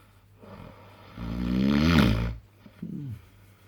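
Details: Adult man (dad) snoring asleep after fishing: one loud, vibrating snore building over about a second, followed by a softer snort.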